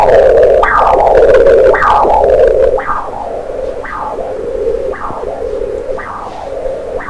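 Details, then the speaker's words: Carotid Doppler in a patient over 50 with a clinically feeble left carotid; right side screened first with the beam steered. Rhythmic whooshing pulses, about 60 a minute, each a rising swoosh fading to a hiss: a mixed-flow spectrum with notching. "Nicely seeing mixed type of spectrum. The notching, as I told, it's a mixed flow, so you are getting it notching here."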